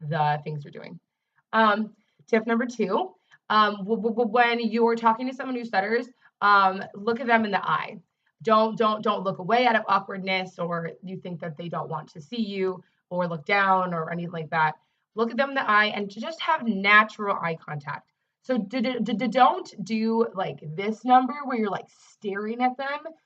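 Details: Adult woman who self-identifies as a person who stutters and is also a speech-language pathologist; real, not acted: stuttering.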